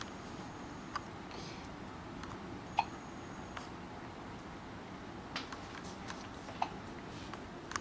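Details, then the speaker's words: Hiccups in a newborn girl 36 hours 45 minutes old, eyes open, just after a feed: faint, brief clicking catches every second or two over quiet room hiss. "she's got the hiccups she got her eyes open too"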